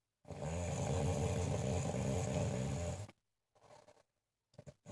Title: My snoring mom